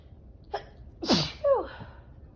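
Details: Sneezing from pet allergy, no medication taken, after visiting a client with pets: a brief catch of breath, then a sharp, forceful sneeze with a short trailing exhale. A single sneeze.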